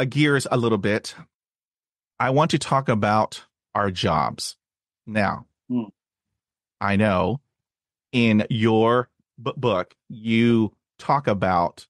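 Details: Stuttering since childhood in an adult man, with speech therapy at age 5 and in his 20s; blocks and repetitions, especially on cold reads.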